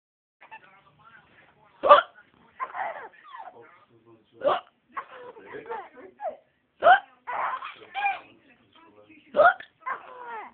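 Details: 6-month-old infant laughing and babbling between short, abrupt catches of breath recurring about every 2.5 seconds: hiccups.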